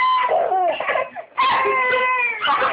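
Two short, high, wavering vocal bursts from an infant, close to the microphone: a brief cry or whimper.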